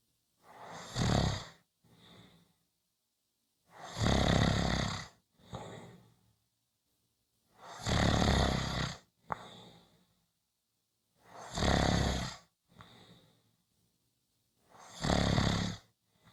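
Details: Loud, rattling snores on each breath in with softer noise on each breath out, about fifteen breaths a minute; snoring.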